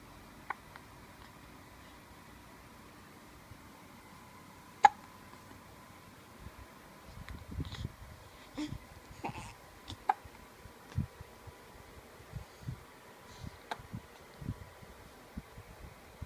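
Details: A few sharp, isolated hiccups spaced seconds apart, with rustling and handling noise between them.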